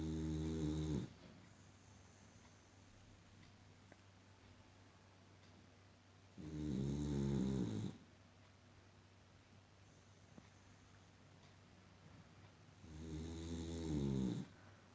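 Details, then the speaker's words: Boxer dog snoring loudly while sleeping, slow regular bursts about nine a minute with quiet pauses between; has been snoring for the past hour. "loud snoring and sleeping. From last 1 hour, she's snoring and sleeping."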